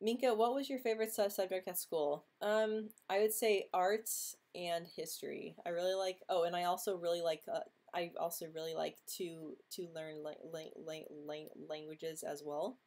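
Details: Female who has stuttered since age 9 or 10, quite disfluent this week, reporting blocks and tension in jaw, mouth and tongue; stuttering.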